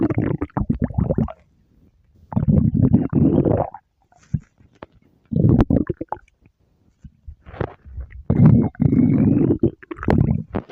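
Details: Several low, bubbling stomach rumbles in bursts with pauses between them; borborygmi from gas and fluid moving in the gut.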